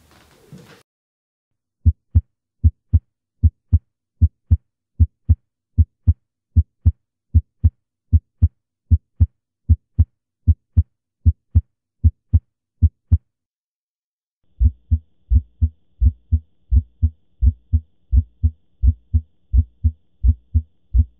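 Regular heart sounds at about 77 a minute, each first sound heard as two closely spaced parts: a split first heart sound.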